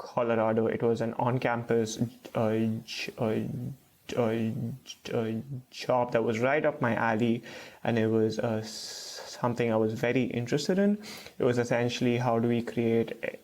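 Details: Stuttering with blocks in an adult man, a first-year PhD student, who reports blocking.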